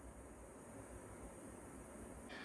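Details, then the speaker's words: A faint, steady, low hum with a soft hiss and no pulsing: the quiet running noise of a home ultrasonic nebulizer for children, demonstrated as quiet enough to use while a child sleeps. "소음은 어떤지 한번 제가 들려드릴게요. 거의 소음이 적습니다. 아이가 잠이 깨거나 뭐 그럴 정도의 소음은 아니고요."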